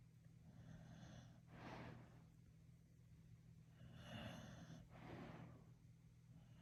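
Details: A sleeping dog's soft snoring with snuffly snorts and a faint high whimper, ordinary dreaming noises, over a steady low background hum.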